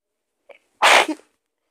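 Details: Sick person's powerful sneeze, recorded close up: a brief catching in-breath, then a single loud, explosive sneeze.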